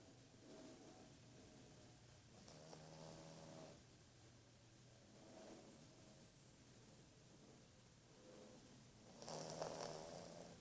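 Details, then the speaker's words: Soft, low, rattling snores repeating with each breath in a quiet room, from a sleeping pet called baby that is told to stop snoring and wake up; H suggests a dog. "Chega de roncar, baby. Baby. Chega de roncar."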